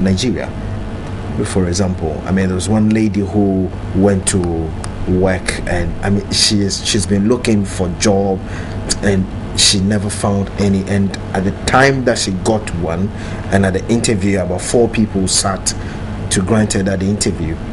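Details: Real adult man who stammers, president of a national stammerers' association; stammering reportedly once held him back but no longer does; stuttering.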